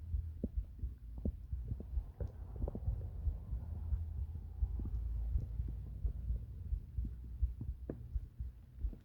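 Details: Soft low heartbeat thumps at roughly 86 a minute under a steady low hum with gurgling stomach sounds, recorded for relaxation and sleep; heartbeat with bowel sounds.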